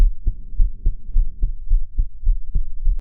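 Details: Heartbeat recorded while crying: regular low thumping heartbeat, about 107 beats a minute, somewhat fast.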